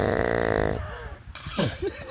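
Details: A long, loud, low croaking burp, followed by quieter room sounds and brief voices.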